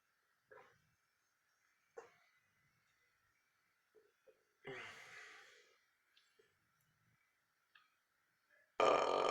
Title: summer time burping